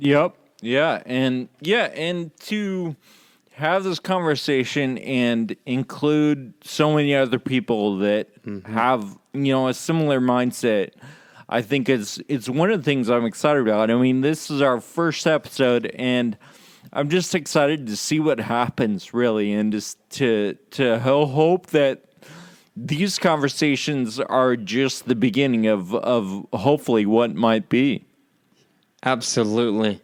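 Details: Real male patient with Friedreich's ataxia, a condition causing loss of muscle control and balance and slurred speech; ataxic dysarthria (Friedreich's ataxia).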